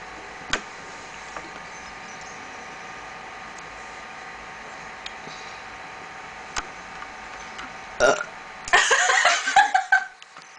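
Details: Two people in a burping competition, trying to burp the loudest and longest: faint room noise with a few small clicks, then a loud, long, rough burp near the end.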